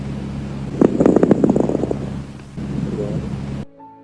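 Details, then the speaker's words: Fine crackles at the lung bases (lower lobes): a quick run of brief, soft crackling pops, best heard on inspiration. "los este rectores se pueden escuchar en la base de los pulmones los lóbulos inferiores son crepitantes breves y suaves y se pueden escuchar de mejor manera en la inspiración"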